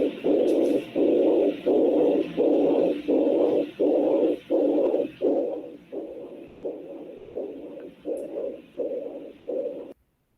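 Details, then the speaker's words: Doppler heartbeat signal in a reptile during a clinical exam: rhythmic whooshing pulses of blood flow, one per beat, about 80 a minute, used to estimate heart rate. "Então esse barulhinho do doutor ele é o nada mais é do que o refluxo sanguíneo tá então a gente consegue estimar a frequência por conta né"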